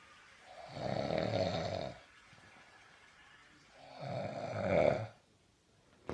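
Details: Two long, rough, fluttering snores, each over a second, separated by a quiet pause; loud snoring during sleep.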